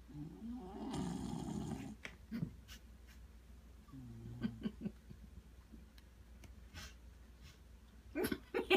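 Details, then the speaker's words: A rescued dog snoring: a rough, buzzing breath sound heard once or twice, with quiet room noise in between. "snoring. You were snoring. God, you're so cute."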